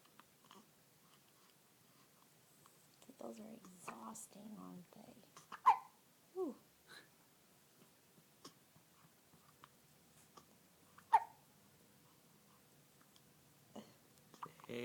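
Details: Quiet babbling, then a few brief, sharp, squeaky catches spaced seconds apart: hiccups.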